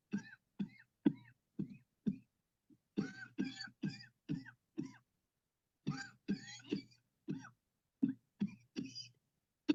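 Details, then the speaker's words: Long run of about seventeen short, voiced voluntary coughs in quick groups, made on command after deep breaths during a remote cleansing-healing coughing technique demonstration. "Okay, here we go. Breathe in deep, deep, deep, deep. Cough."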